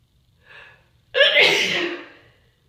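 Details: Sneeze during a cold: a brief indrawn breath, then one loud explosive itchy sneeze fading out over about a second.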